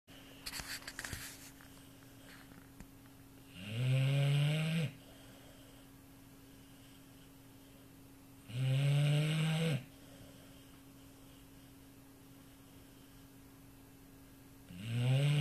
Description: Tess is an 18 month old Neapolitan mastiff X american bulldog, and her snoring is like thunder ...